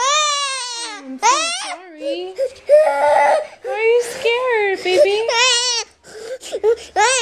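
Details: Young child crying, high-pitched with whimpering and sobbing breaks; seems scared and unwell, answers yes when asked if tummy hurts, mother suspects GI problems.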